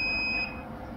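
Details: lifePOINT PLUS defibrillator switched into AED mode during equipment demonstration: steady high-pitched electronic alarm tone, then fading into room noise; defibrillator alarm.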